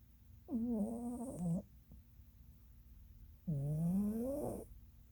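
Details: Female Norwegian Forest Cat napping: two long, rattling, tonal snores on breaths in, separated by a quiet pause; ordinary snoring.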